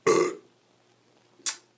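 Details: Adult male's single loud, low, rumbling belch lasting about a third of a second, then a brief breathy sound, an apparently unplanned burp during a spoken self-introduction for a commercial audition, followed by embarrassment; burping.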